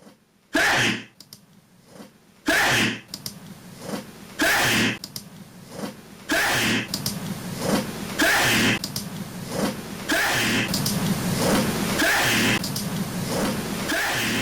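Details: An edited clip of a sneeze looped about every two seconds, roughly eight times, over rising noise: a repeated sneeze sound.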